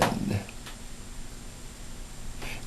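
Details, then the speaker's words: Normal bowel sounds: brief soft gurgles and clicks heard by stethoscope over the abdomen of a female patient who has not eaten for a while, present in all four quadrants; physical assessment teaching demonstration. "it's been a while since she's eaten so we have bowel sounds in all four quads"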